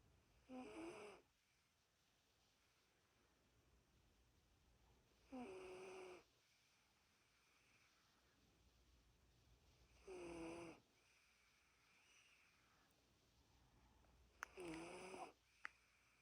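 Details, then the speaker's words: A dog snores in four evenly spaced, tonal inspiratory bursts, about 13 breaths a minute, in a quiet room, with eyes open before falling asleep, as it does nightly: snoring. "Kayla. Kayla. You're snoring."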